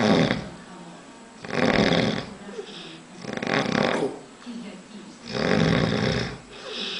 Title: Snore - rohalito